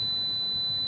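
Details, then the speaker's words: Simulated tinnitus, a noise said to be heard inside the ear 24 hours a day; a steady, high-pitched ringing tone: tinnitus simulation. "இந்த சத்தத்தை கேளுங்க இந்த மாதிரி ஒரு சத்தம் காதுக்குள்ள 24 மணி நேரம் இருக்கு"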